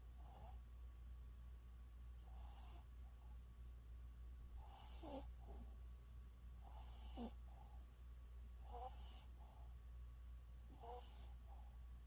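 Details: Puppy snoring: faint, soft snuffling snores repeating about every two seconds under a steady low room hum.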